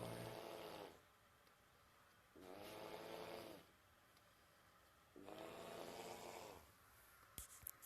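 Loud, rough fluttering snores on each breath in, about 22 breaths a minute, with quieter breathing out between them.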